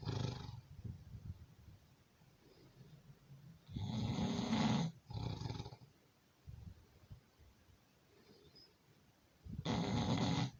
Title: Your snoring